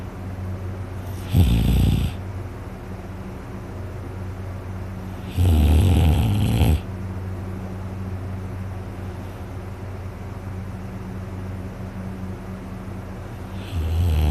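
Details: Person asleep, very tired after a day out hunting, later reports a very sore throat: three loud, harsh snores several seconds apart over low room noise; heavy snoring.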